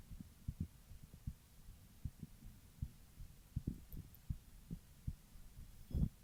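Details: Female heartbeat: soft, regular low thumps, roughly 75 a minute, over faint background hum; a normal heartbeat.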